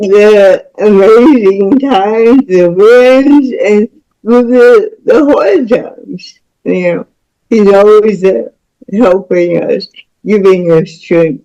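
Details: Dysarthric speech in a woman about to turn 49 with lifelong cerebral palsy involving spasticity, born with the umbilical cord around her neck five times; doctors said she would never walk or talk.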